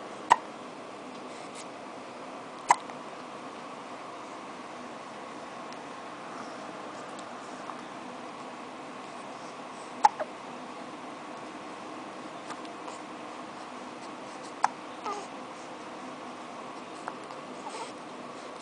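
Brief, sharp hiccup clicks from a cat, recurring irregularly every few seconds against quiet room noise.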